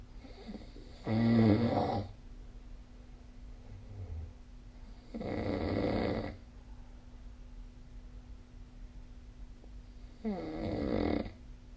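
Three rough, rumbling snores about four seconds apart, roughly 14 a minute, with quiet breathing between and a faint steady hum in the room.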